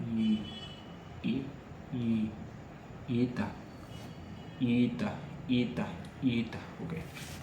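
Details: Adult male who stammers, speaking Hindi freely as continuous-speech practice on day 5 of a daily stammering practice routine; stuttering.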